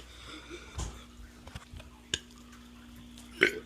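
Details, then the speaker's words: Teenager making deliberate burps while trying to talk: a few short, low, gulping burps amid quiet room noise, ending with a louder belch. "do a huge burp and do it i can't talk in huge burps this is pretty shitty guys sorry"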